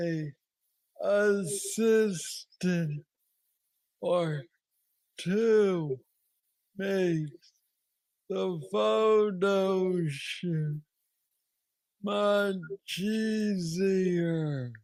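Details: Adult man with Parkinson's disease diagnosed at age 35, about nine years ago, a form he calls the most aggressive he knows, treated with an implanted brain neurostimulator; hypokinetic dysarthria.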